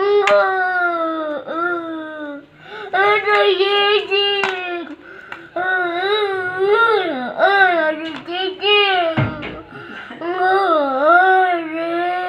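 Sustained, distressed infant crying with sobbing breaths and wavering pitch, heard during nebulizer treatment for a cough.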